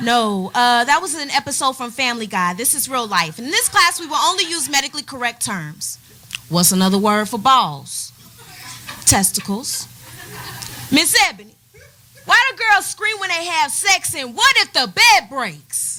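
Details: Adult speaker, possibly more than one voice, with brief laughter; ordinary speech.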